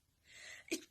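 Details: Adult's imitated "normal people" sneeze: a breathy drawn-in breath followed by one sharp, explosive burst, a typical ordinary sneeze.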